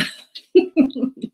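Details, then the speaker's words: Adult coughing while speaking, a persistent cough they note is ongoing. "Je sais que ça peut être énervant pour ceux qui écoutent de m'entendre tousser tout le temps, mais bon, c'est pas de ma faute et le principal pour moi, c'est quand même que vous ayez vos tirages."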